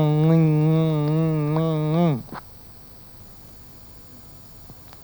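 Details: Hypernasality, a resonance abnormality with excess nasal resonance, deliberately demonstrated (acted) by a speaker as a teaching example.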